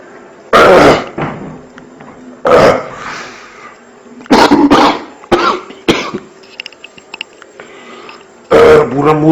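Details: Person with a cough complaint: several loud, harsh coughs, single and in short bursts, with quiet breathing between them; cough.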